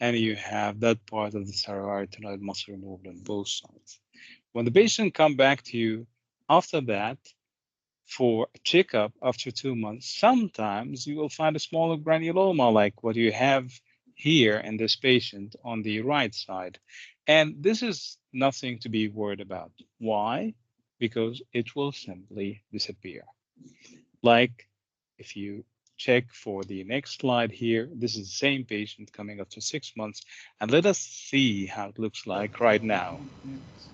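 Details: Adult male presenter; typical speaker.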